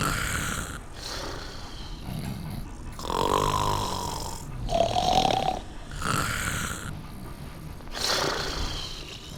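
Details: Snoring from a stop-motion film about a man who can't fall asleep on a train: loud, rough snoring on each breath, with rattling, snorting inhalations and groaning exhalations.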